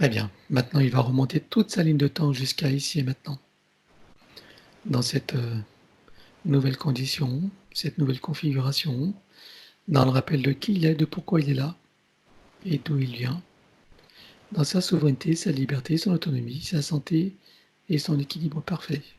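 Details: Adult man; normal speech.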